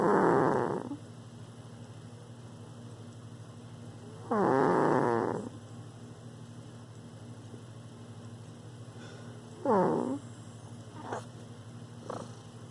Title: Cuchulainn's loud snoring.